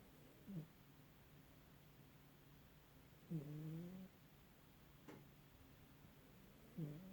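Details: Old pet cat sleeping: soft, quiet snores every few seconds, about 20 a minute; occasional snoring the owner says happens sometimes.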